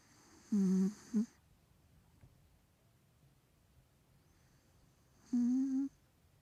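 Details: A 3-year-old male Maine Coon cat with a bad nose snoring while asleep: two loud, buzzing, nasal snores a few seconds apart in a quiet room, noisy breathing through a congested nose.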